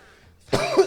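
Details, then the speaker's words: Adult man and self-described smoker who says his throat is wheezing, speaking on a live stream: a single short, rough throat-clearing cough with a harsh, phlegmy edge. "I don't know if you can hear my voice like my throat wheezing it sounds disgusting love cigarettes"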